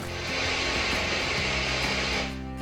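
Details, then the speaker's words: Simulated tinnitus heard as ocean sounds: a steady broad whooshing hiss like distant surf. "Some experience a high-pitched ringing sound, something like this, while others hear ocean sounds like"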